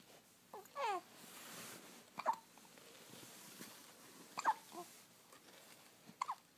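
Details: Newborn hiccups: soft, brief abrupt catches and small squeaky sounds a few seconds apart in a quiet room.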